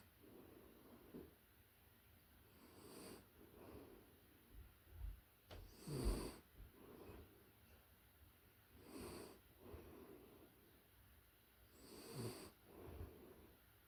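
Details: Puppy in deep sleep, recorded close-up; soft, rhythmic snoring breaths roughly every three seconds, quiet and normal.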